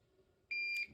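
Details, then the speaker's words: Curlin infusion pump, pre-programmed, running lactated Ringer's with dextrose, alarming because the patient is not yet hooked up: a single short, high electronic beep. "the rest that through the pump is getting angry at me here cuz I'm not hooked up to it"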